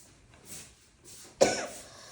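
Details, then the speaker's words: Woman with a long-standing, forceful cough she cannot stop, which brings tears and sometimes urine leakage; she also has constipation and poor sleep: one short, sharp cough after faint breathy sounds in a quiet room; chronic cough. "अब ये खासी बस रुकेगी नहीं खाली जबरदस्ती ये चले ही जाएगी रुक गई ना ज कर रखा है इसलिए जबरदस्ती रोक रही है फोर्सफुल खांसी आती है"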